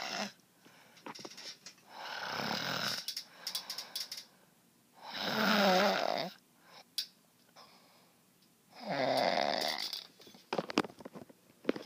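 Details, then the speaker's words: Very loud, harsh, fluttering snores every three to four seconds, roughly 17 a minute, with faint clicks and rustling between; heavy snoring. "gosh guy you're so loud good night"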